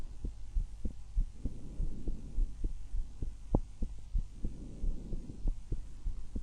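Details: Self-recorded stethoscope auscultation from one of six chest sites: steady low heart thumps with soft rushing breaths rising and fading between them; normal heart and breath sounds.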